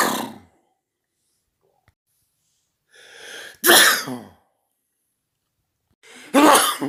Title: World Loudest Sneezes